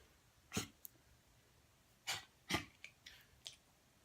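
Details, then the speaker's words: Three short, harsh coughing bursts with softer huffs between them from a dog lying on its owner's lap in a quiet room; dog cough. "My dog is coughing. I don't know if you can hear him. He's on my lap."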